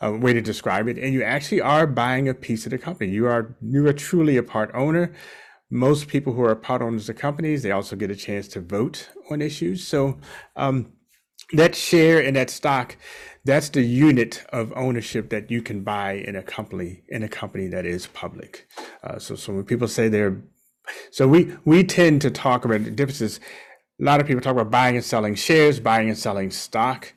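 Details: Adult man; no speech disorder.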